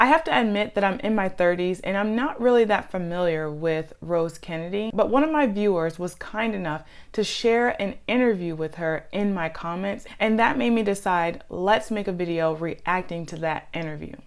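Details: Adult woman speaking; normal speech.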